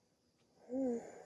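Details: A single short, abrupt voiced 'hic' in a quiet room; a hiccup in a rare 16-minute bout after waking from sleep with a CPAP mask for sleep apnea.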